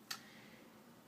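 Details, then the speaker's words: A single crisp, sharp tap on an adult man's abdomen during a health assessment: normal tympanic percussion note over gas-filled bowel, no muted sounds, abdomen not swollen, normal bowel sounds. "we're cussing and hearing sharp tympanic noises which is what hearing"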